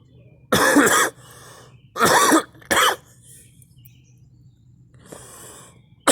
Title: me coughing